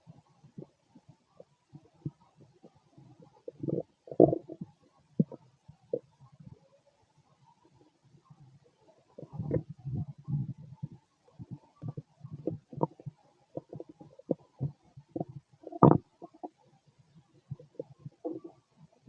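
Irregular low gurgling and rumbling bursts over about 19 seconds: ordinary stomach growling from gas and fluid moving through the gut.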